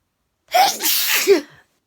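A single loud sneeze, a sharp intake then an explosive burst lasting about one second.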